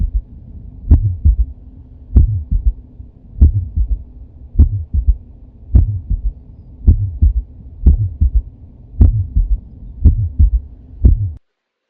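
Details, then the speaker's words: S3 gallop: first sound (mitral and tricuspid closure), second sound (aortic and pulmonic closure), then an extra third sound just after S2, from blood filling an enlarged left ventricle. "so in here S1 which is MIT and tri Val closure S2 I and P Val closure and then S3"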